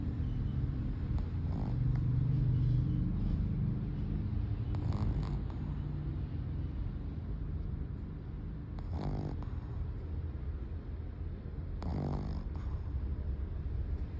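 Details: Steady low, purr-like rumbling breathing noise with faint room noise from a sleeping Shih Tzu; soft snoring.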